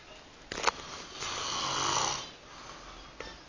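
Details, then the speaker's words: One long, rough, hissing snore lasting about a second, framed by brief knocks and room noise, from a man sleeping after staying up all night. "roncando parece uma locomotiva moleque casar com ele tá"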